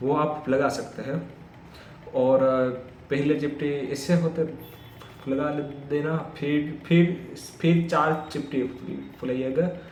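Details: Adult man's own speech with stammering, recorded on day 1 of his daily practice routine for stammering (tongue and lip exercises, breathing control, self-monitoring); stuttering.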